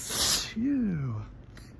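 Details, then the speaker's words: A single explosive sneeze followed by a rising-falling voiced exclamation, during a morning sneezing fit the person says bright sunlight through the window is helping trigger; photic sneeze reflex. "I don't know what's got me this morning, but the sun is really helping the tickle kind of get these sneezes out."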